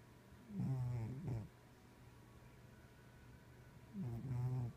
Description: Snores like old man